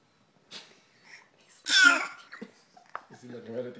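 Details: A 5-month-old infant gives a short, forced, playful fake cough amid soft babbling; a voluntary cough, not illness.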